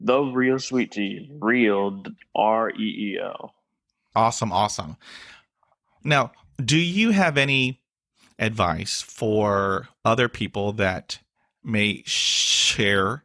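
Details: Stuttering in an adult male with blocks, facial tics and years of speech therapy; word and interjection repetitions are heard.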